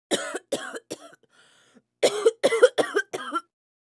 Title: Coughs Female 1 - Sound Effect